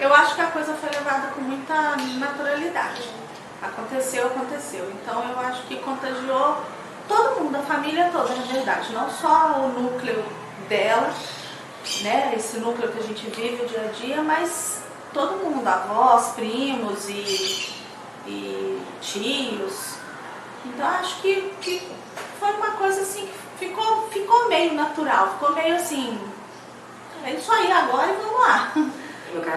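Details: Adult woman speaking; normal speech.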